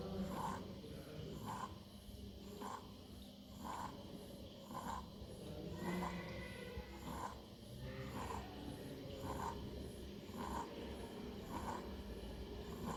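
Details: Paediatric inspiratory stridor: a harsh, noisy sound with each breath in, about 50 breaths per minute, over room noise, indicating upper airway narrowing.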